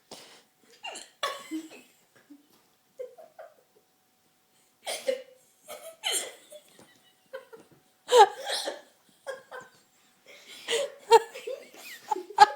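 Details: Synchronized hiccups from more than one person: short, abrupt, quiet catches of breath at irregular intervals mixed with giggling.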